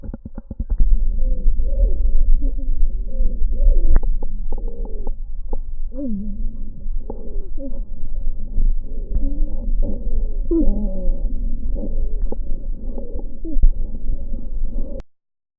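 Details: Lung auscultation: continuous musical, whistling sounds rising and falling over repeated breaths through a steady low rumble; wheeze.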